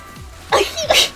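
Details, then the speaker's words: A short intake, then a sudden, forceful sneeze breaking into two quick bursts, called "a weird sneeze", over faint background music. "oh my god that was a weird sneeze ladies hi there"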